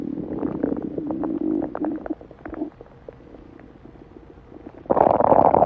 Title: Male stomach growling - on TikTok